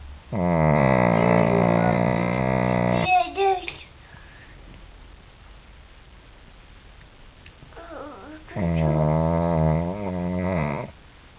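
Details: Female pug, a habitual heavy snorer, giving two long, loud, rattling, buzzing snores separated by a quiet pause; the harsh vibrating snoring of a flat-faced dog.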